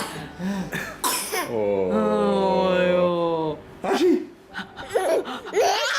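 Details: Mother's sharp, noisy sneeze with a drawn-out voiced sound, followed by the infant's short bursts of laughter.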